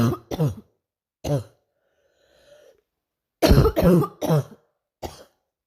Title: night coughing